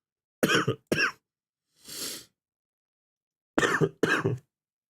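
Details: Adult who is still sick and sounds hoarse, coughing while livestreaming: five short, dry coughs in two clusters with a breath between them.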